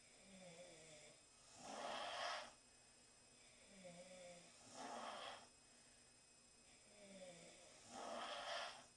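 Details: Four girls snoring: three loud, rasping snores at about 20 breaths a minute, with quieter whistly outbreaths between them; snoring.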